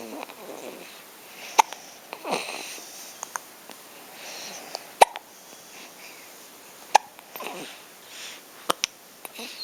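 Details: Hiccups: sharp, brief hiccup clicks about every couple of seconds, irregular, with soft breathing and quiet room noise between them.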